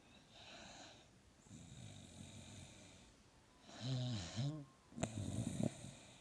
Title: Halo snoring and dreaming